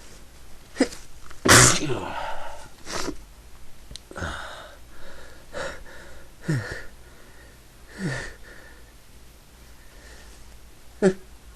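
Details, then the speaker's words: Run of repeated sneezing in a person who has been sneezing all day and can't stop: a loud, sharp sneeze burst followed by quieter breaths and small noises. "I have to sneeze. Sneeze again. I can't. I've been sneezing all day."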